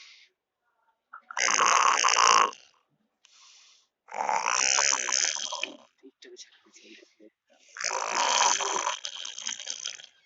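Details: Sleeping boy: loud, harsh rattling snores in three long bursts with quiet gaps between breaths: ordinary snoring.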